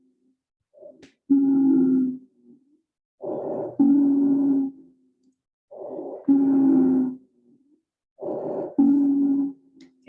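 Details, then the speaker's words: Polyphonic wheeze with multiple pitches, heard in a simulated cardiac arrest scenario on an intubated man in a shockable rhythm with suspected thromboembolic cause, during CPR. "so that that noise was a wheeze so the reason we know that it's a wheeze is it's polyphonic so it's got lots of different pictures of note and sounds"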